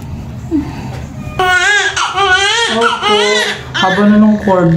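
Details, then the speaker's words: Loud, strong, repeated newborn crying with rising and falling pitch just after a normal vaginal birth, cord coil noted, baby encouraged to cry, room voices behind; vigorous normal newborn cry. "paiyakin muna natin okay okay iyak na si baby iyak na baby"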